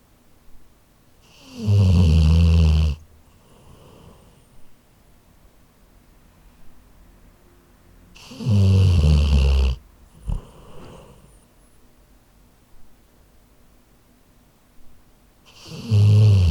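Loud, low, rattling snores on slow breaths, about nine a minute, with quiet pauses between them: a sleeping dog snoring.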